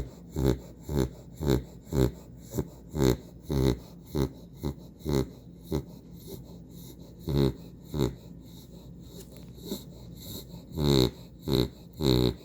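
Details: Dog snoring during a nap: rapid, regular nasal, rough snorting noises, roughly 100 a minute, in a quiet room.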